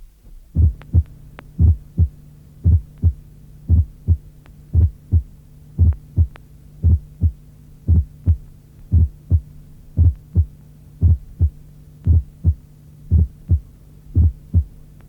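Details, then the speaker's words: Abnormally split first heart sound, mitral then tricuspid component, in right bundle branch block. "Un dédoublement anormal du premier bruit cardiaque peut se produire en cas de bloc de branche droit."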